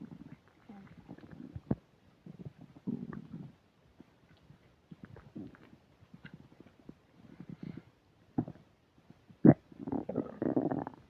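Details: Upset digestion while eating a burger and fish fries, recorded with a microphone: gurgling, bubbling stomach rumbles in irregular bursts with squeaks and a louder gurgle near the end; active bowel sounds (borborygmi) during eating.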